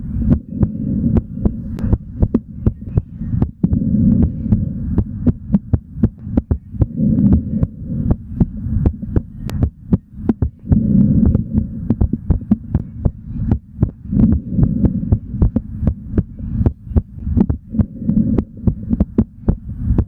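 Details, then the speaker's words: Male's normal heart sounds while exercising, recorded live: strong, regular, rapid lub-dub beats over a low steady hum. "take a listen to the smooth sounds of the hearts and be prepared for analysis by dr. n yeah it's gonna be a good one this is exercising as a man"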